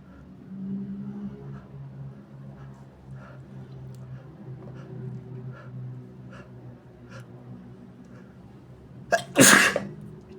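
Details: Quiet breathing with a low hum, then one loud explosive sneeze induced with tissue paper during a bad sinusitis attack with a sore, itchy nose; sneeze.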